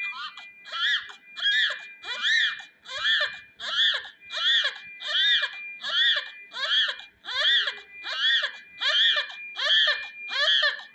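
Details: Rhythmic, high-pitched crying in regular bursts, about 13 cries in 11 seconds, from a newborn baby boy just after birth under a warmer; steady electronic tone underneath.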